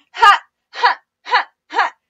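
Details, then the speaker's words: Four loud, sharp, call-like vocal bursts in quick succession: a loud, relieving vocal tic in a person with Tourette syndrome, who finds it worse than swearing tics and harder to suppress. "I don’t like it because it’s, it’s so loud, and I don’t want to be loud in public."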